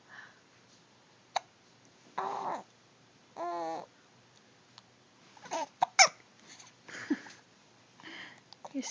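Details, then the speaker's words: Hiccups in a baby: babbling and squeaking with short, sharp, toy-like catches in the breath in a quiet room; said to be quieter when the mouth is closed. "You sound like a toy. Yeah, you sound like a toy. You know, if you close your mouth, they're not as loud."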